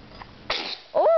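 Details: A single sharp, hissing sneeze followed by a brief voiced sound; sneezing, then being asked to do the Rio dance.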